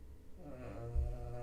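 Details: A sleeping dog gives loud, low, rumbling snores, with faint video game audio in the background.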